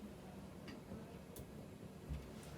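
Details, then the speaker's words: Percussion of the left and right supraclavicular fossae during a respiratory exam: soft, hollow taps giving a normal resonant note over both sides. "I compared both sides, and both the left and right supraclavicular fossae are fine, they're resonant."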